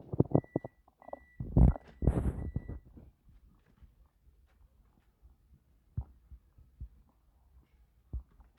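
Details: Woman 5 months pregnant, uncomfortable while doing housework: a few seconds of irregular low gurgling stomach rumbles, then quiet with occasional soft low thumps; stomach growling (borborygmi).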